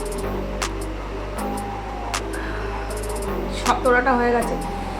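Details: Several short, sharp gulping bursts at uneven intervals, one with a brief voiced catch, over background music and hum: hiccups after eating spicy chilli food.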